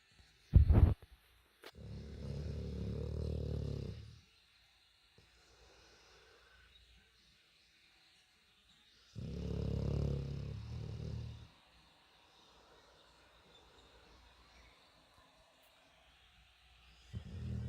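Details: An Aussiedor dog named Link asleep, snoring with deep, rumbling snores about every seven seconds and quiet breathing between them, likened to an old man snoring.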